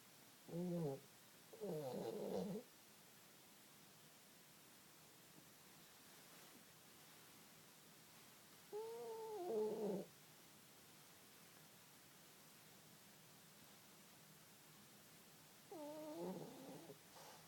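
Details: Sleeping pug, Ridley, snoring in a comfortable blanket: slow, tonal, rattling snores, roughly eight breaths a minute, with quiet pauses between.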